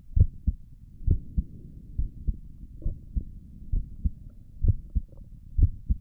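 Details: A person's own resting heartbeat recorded through a stethoscope on the chest for relaxation: low paired thumps at roughly 66 beats a minute with some rubbing noise; normal heart sounds.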